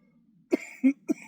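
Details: Person with cystic fibrosis during a chest workout of bodyweight dips, reporting mucus in the upper lungs and wheezing: three short, loose-sounding coughs in quick succession in a quiet room, a productive cough.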